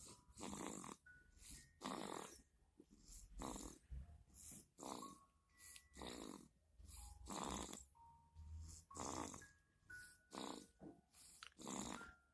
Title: 小包子 vs. 豬：誰的鼾聲更勝一籌？Little Dumpling vs. Pig: Whose Snore Wins?